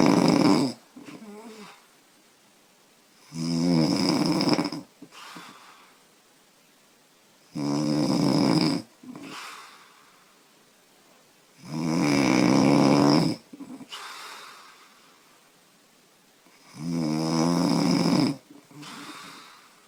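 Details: Heavy snoring in a 25-year-old woman who says she snores loudly after drinking beer: loud, rough snores on each breath in, about 14 a minute, with quiet breaths out between them.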